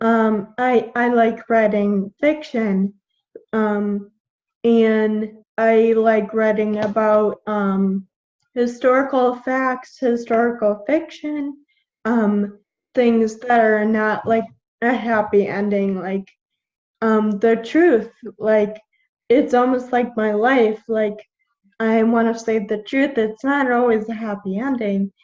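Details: 21-year-old woman with Friedreich's ataxia, a genetic neuromuscular degenerative disease; symptoms from about age 9, diagnosed at 13, with progressively slurred speech; ataxic dysarthria.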